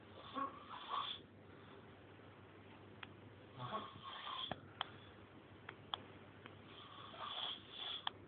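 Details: Snoring: rattling, breathy snores on the breath cycles with a few sharp clicks in a quiet room; ordinary snoring.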